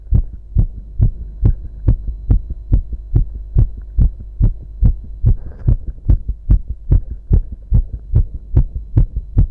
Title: Guy's strong heartbeat sound